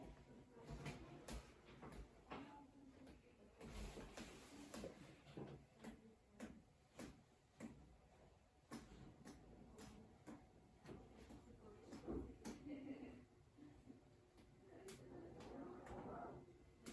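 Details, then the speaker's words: Normal abdominal percussion: steady series of about 28 soft finger taps, roughly two per second, from xiphoid toward hypogastrium; no abnormal sound, interruption or differing dullness. "Bueno, y lo que se presenta con esto es que en el abdomen, al hacer lo que es la percusión, no se escucha algún ruido o hay alguna interrupción al momento de hacerlo."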